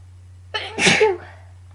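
A single loud sneeze, a sharp intake followed by an explosive burst, with faint steady hum behind it. Allergic sneezing.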